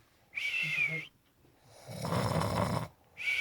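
Two loud breathing sounds during sleep: a whistling, squeaky inward snore followed by a rough, noisy outward breath. Snoring.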